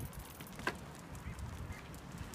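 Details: Dog coughing while running outdoors: a single brief, harsh, honk-like cough over movement noise.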